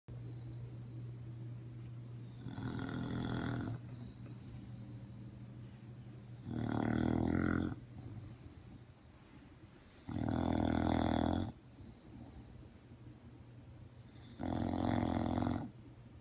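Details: Snoring of a sleeper tired after dressing up as Elmo for Halloween: regular loud, rough, rumbling snores, about 15 breaths a minute, with quiet pauses between.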